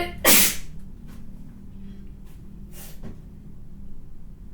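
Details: A single loud, explosive spray sneeze from a woman, followed by a few faint breaths or sniffs against low room hum.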